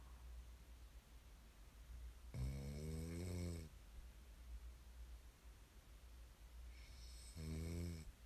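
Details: Two deep, rattling snores on breathing in during sleep, several seconds apart, over a steady low room hum; typical snoring.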